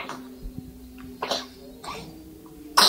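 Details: A few short, light coughs from an infant who still plays with grandmother despite the cough; low steady hum and room noise behind.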